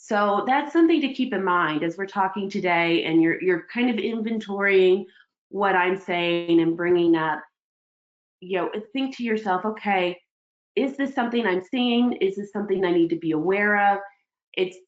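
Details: Adult woman speaking; Normal speech.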